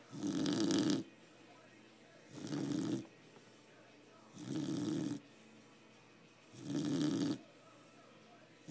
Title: Our snoring dog